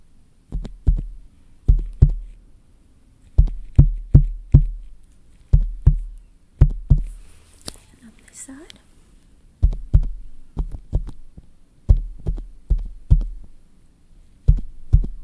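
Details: Simulated nurse-exam ASMR roleplay: paired low thumps at about 75 a minute, steady apart from a short pause, with faint whispering; the nurse calls it a regularly irregular heartbeat, not too concerning, on beta blockers; acted heart sounds.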